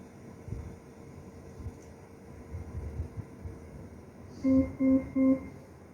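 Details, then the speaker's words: Bella Vista ventilator flow sensor calibration during the circuit test, with the sensor reversed and then reconnected: room hum with a steady tone, then three short tonal beeps; the screen reports the circuit test as successful. "Sudah, biarkan berjalan running test flow sensornya. Nah, di sini tulisannya sirkuit tes sukses, berarti tidak ada masalah dalam kalibrasi tes sirkuitnya, baik flow sensornya."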